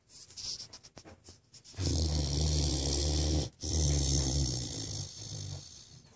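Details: Great Dane dog sleeping: a few faint sniffs, then loud, rumbling, low-pitched snoring with a brief pause for one breath; snoring.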